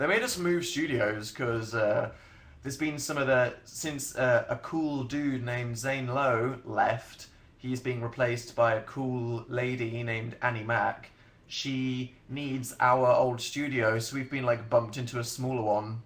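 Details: Adult male speaker; normal speech.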